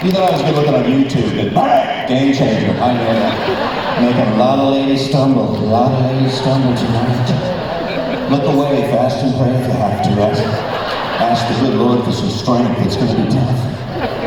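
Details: Adult man, former record producer, with spasmodic dysphonia, an incurable vocal disorder that developed at the height of his career; vocal coaches and doctors did not help and it progressively worsened until his voice was gone; spasmodic dysphonia.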